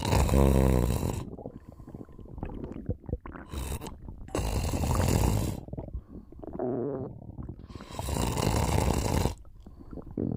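Loud, rough rattling snores on breathing in, separated by quieter breaths out, with a few gurgling stomach noises; ordinary snoring during sleep.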